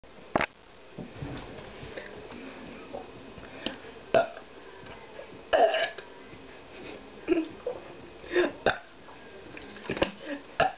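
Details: Several short, low guttural burps spaced a few seconds apart in a quiet room, after drinking orange soda at 4 a.m.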